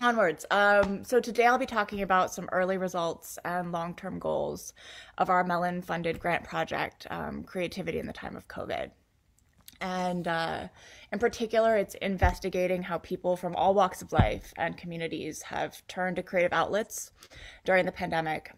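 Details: Adult woman with a neurological disorder causing episodic muscle spasms that sometimes take her to the ground, heard as hiccup-like speech interruptions (neurological spasms).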